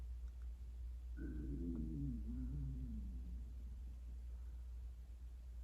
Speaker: My stomach just growled profusely. I hope you didn't hear that on camera. It was like, rawr.